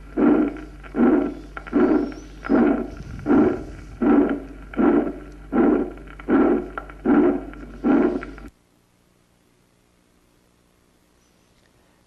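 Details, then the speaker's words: Pulmonary functional midsystolic ejection murmur in atrial septal defect, then double systolic murmur: midsystolic from pulmonary stenosis plus protosystolic from ventricular septal defect. "vamos a escuchar un soplo mesosistólico de inyección pulmonar funcional en una comunicación interauricular primero y luego un doble soplo sistólico mesosistólico por estenosis pulmonar y protos sistólico por comunicación interventricular escuchémoslo"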